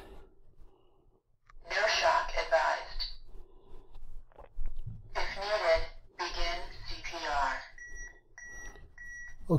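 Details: AED demonstration on a simulated adult patient after CPR: recorded machine voice prompts, then steady repeated beeps as the training defibrillator analyzes the heart rhythm and advises no shock.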